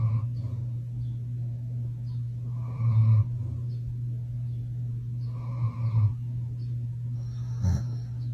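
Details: Sleeping German Shepherd snores with rhythmic rough breaths over a steady low background hum; snoring.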